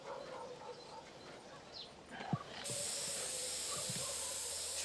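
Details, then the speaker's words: Blue antiseptic spray on a cow's stitched surgical wound after 14 kg of plastic was removed from its rumen: low background noise, then a steady loud hiss of aerosol spray. "the final part the surgery was to stitch her back up and disinfect the wound"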